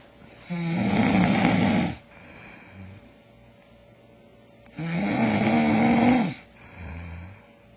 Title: How To Stop Snoring